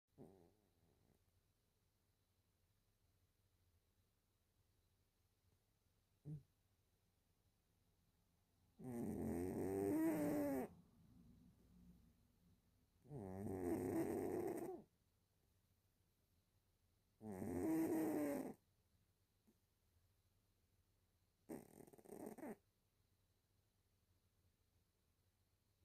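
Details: Sleeping cat snoring loudly in rhythmic, rattling bursts at about 15 breaths a minute.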